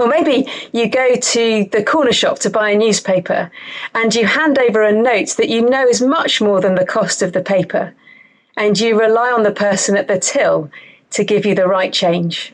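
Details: Adult woman; normal speech.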